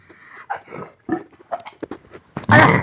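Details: A dog gives a run of short, rough grunting coughs ending in a loud, harsh hack; kennel cough.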